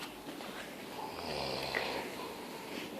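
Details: Father snoring at night, said to snore nightly after eating and to smoke cigarettes: long, low rumbling, rattling breaths over steady room noise.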